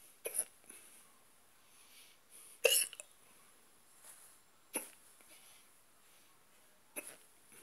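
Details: Stubborn, persistent hiccups: four or five brief, sharp gulping catches spaced a second or two apart with quiet between them.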